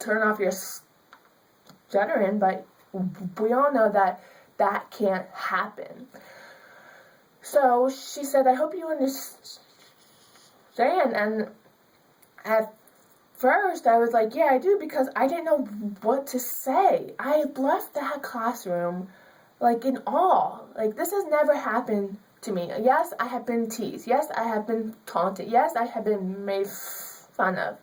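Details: Young woman with stuttering.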